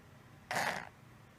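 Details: 6-year-old female cat, noise for 1 month, mostly while resting or sleeping, at the top of inhalation, from the throat area, often mouth breathing, no improvement after 3 weeks of antibiotics: one short, rough snorting snore-like breath; stertor.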